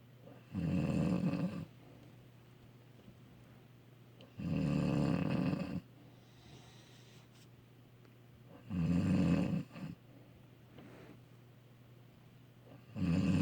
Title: Request of the Wife snoring